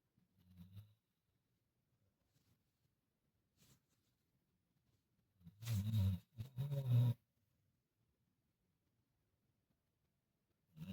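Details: Man snoring in sleep after a rough day: a few low, rumbling snores separated by quiet pauses in a still room; snoring.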